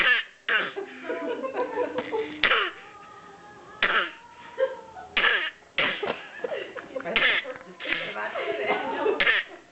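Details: An infant who began coughing the previous Sunday makes repeated short, forced, cough-like bursts between voiced babbling sounds; a playful, voluntary imitated cough.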